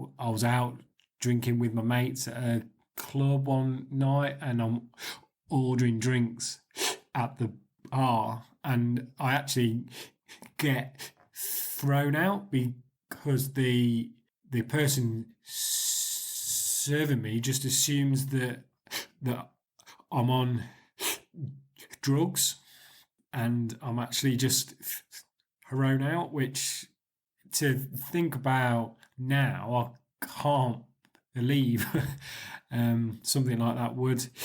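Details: 40-year-old man with stuttering (stammering) since about age 4 or 5, and a sister who reportedly stammered until about 6; NHS speech therapy at 8 or 9 did not help; blocks are fewer and shorter since the Starfish Project (costal breathing).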